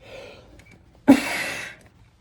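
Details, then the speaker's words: Strong voluntary single cough into a cushioned face mask and respiratory filter on a peak cough flow meter, peak about 360: a sharp burst, then a rushing half-second blast of air. "that would be a single cough my cough was around 360 here"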